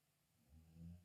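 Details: A resting female pet snores: a low, rumbling snoring breath builds in loudness against faint room noise, then stops.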